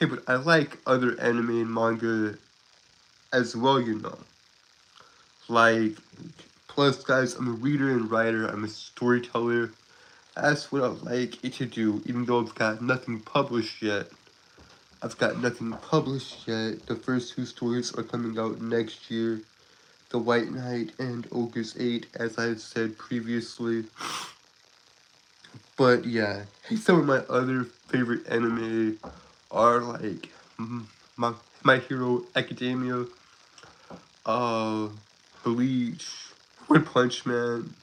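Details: Stuttering in an adult male who calls himself a Southern stutterer with a speech impediment; he is currently sick and recovering.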